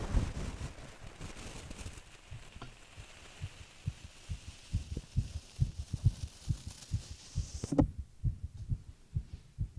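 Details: Steady, soft, low thumps in a regular rhythm, with hiss early on that then quiets: a normal resting heartbeat of a sleeping boyfriend, recorded over 25 minutes.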